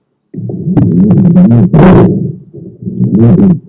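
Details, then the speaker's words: Chest auscultation: low-pitched continuous rumbling, snore-like sounds during both inspiration and expiration, linked to thick sputum on bronchial walls as in bronchitis; rhonchi. "ลองคายซาวจะได้ยินทั้งการหายใจเข้าและการหายใจออกนะฮะโอเคอันนี้คือ continuous sound เนาะ"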